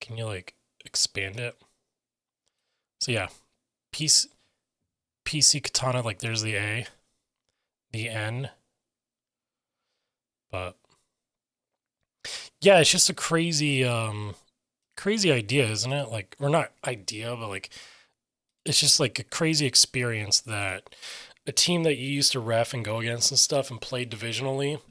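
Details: Adult man with self-reported aphasia; aphasia.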